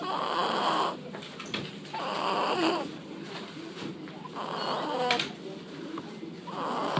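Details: Very tired baby snoring, with rapid, raspy breaths at about 30 a minute and some background room noise; snoring.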